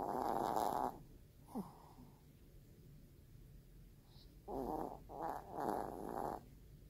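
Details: Chihuahua snoring while asleep: soft, fluttering, snorty breath sounds repeating over steady room noise.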